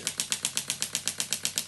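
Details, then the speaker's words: Rapid regular sharp snapping pulses, about eight per second, from a shockwave therapy device on its lower setting treating a rock climber's elbow pain, with a small tear on ultrasound, three months' duration. "work with and this is the shock wave so we're going to put it on its lower setting today because the elbows are very sensitive and this is what it sounds like so it's a little bit noisy"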